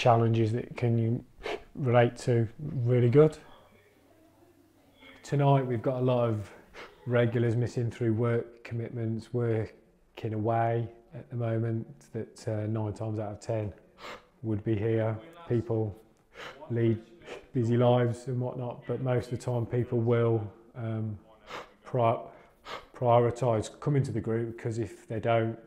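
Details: Adult man, a recovering stammerer who has completed the Starfish stammering course, speaking with stuttering (stammering).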